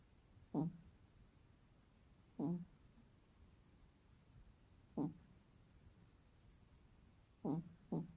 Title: My cat snoring like a Human so funny